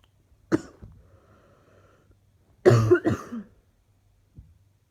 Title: Looking like going to be coughing all day